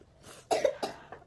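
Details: Adult woman, a mother, sick with a cough and cold: two or three short, moist cough bursts in a quiet room.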